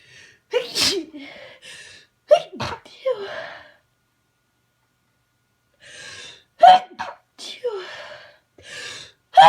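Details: Person who has been unusually sneezy for unknown reasons, with irritating stuck sneezes: a run of repeated sneezes, several with a gasping intake before each burst, in two clusters separated by a pause; a sneezing fit.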